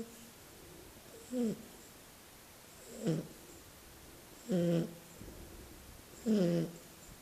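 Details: Shar-pei puppy snoring while asleep: four short, buzzing snorts at a steady rhythm, roughly 36 a minute, in a quiet room; sweet puppy snoring.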